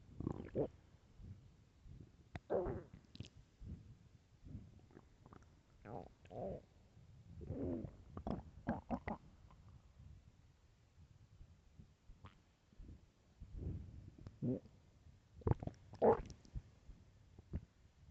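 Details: Hungry stomach growling: quiet, irregular belly gurgles and low rumbles with short squeaky bursts; normal hunger-related borborygmi.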